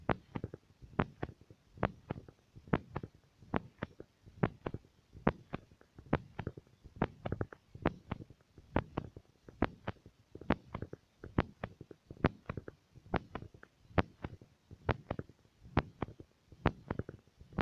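Steady paired thumps of a heartbeat through a stethoscope, roughly 70 beats a minute, with faint rubbing noise.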